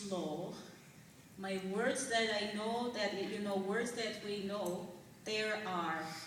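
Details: Adult woman whose dialect changed immediately after a stroke-like brain injury in November 2004, possibly permanent, still slow after six months of speech therapy, also using music rhythm therapy; foreign accent syndrome.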